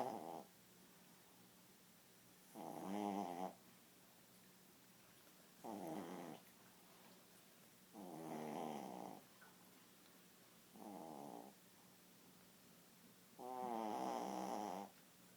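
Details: Snoring during sleep: regular rattling snores on alternating breaths, six sounds over fifteen seconds, about twelve breaths a minute, against steady room hiss.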